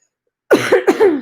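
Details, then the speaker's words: Adult woman about two weeks into COVID-19 illness, treated symptomatically with Mucinex and Tylenol, which she stopped once her cough was no longer productive; now a non-productive dry cough. "But now it's just kind of like a cough and not anything. You know what I mean? Now it sounds like that."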